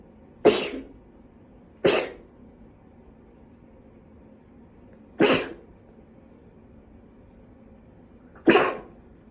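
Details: Woman with a bad cold sneezing: four sharp, explosive sneezes with short hissy tails, spaced a few seconds apart, against a quiet background.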